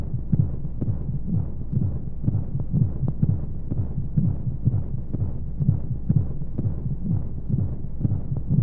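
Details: Baby sleep-aid womb sound: a steady, muffled low thumping heartbeat at about 125 beats a minute under a soft whooshing hum and white noise, like sounds heard in the womb.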